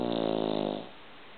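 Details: Pug snoring while asleep: one short, loud, buzzing snore fading into quiet breathing.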